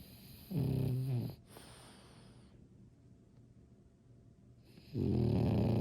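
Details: French bulldog snoring: loud, low rattling snores on the in-breath with a quiet pause between breaths.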